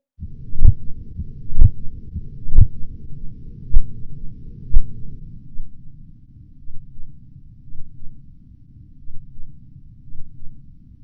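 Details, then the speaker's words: Blood-pressure measurement training, stethoscope over brachial artery during slow cuff deflation: five soft Korotkoff taps about one a second over low rumble, then fading to faint thuds as pressure falls toward diastolic. "Khi tiếp tục hạ áp suất Tiến động tăng lên sau đó yếu đi rồi mất hẳn trị số lúc Tiến động mất đi phản ánh tốt nhất huyết áp tâm trương ở người lớn"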